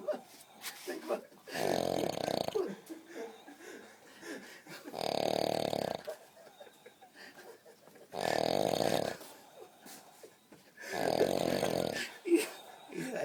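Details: Adult snoring very loudly at night at El Rocío, in the middle of the woods, keeping companions awake: loud, rough snores in a slow, regular rhythm, about one every three seconds, with faint room noise between.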